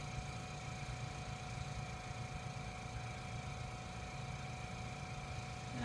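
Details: Suction machine running during tracheostomy suctioning, demonstrated step by step with oxygen removed and catheter inserted: steady low motor hum with faint whine, no breaks.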